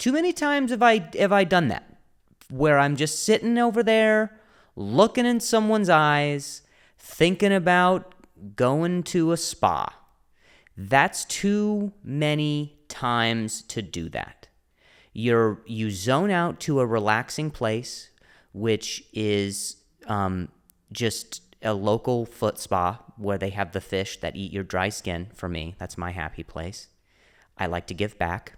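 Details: Stuttering, a speech impediment, in an adult male comedian speaking on his solo podcast.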